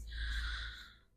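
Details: Maine Coon cat asleep on a couch gives a single noisy, snorting breath over faint background music: cat snoring.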